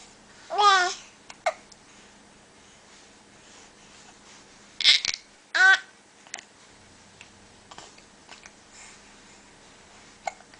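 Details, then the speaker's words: Baby girl with hiccups, seemingly grumpy: quiet room with a few short infant vocal bursts and faint catches, about two clear hiccup-like sounds; infant hiccups. "You don't like having the hiccups, do you? Do they make you grumpy?"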